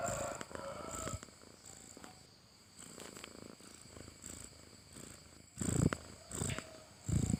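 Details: Sleeping cat snoring: soft, low rattling breaths about 40 a minute, some louder than others.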